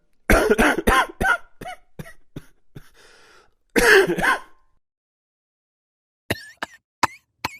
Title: Sound Effect - Coughing Men